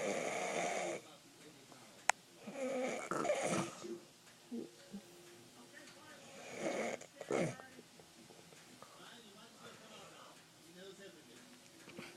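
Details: Irregular rough snoring with quieter snorting breaths and faint background noise during sleep. It is likened to a garbage disposal with a nail in it.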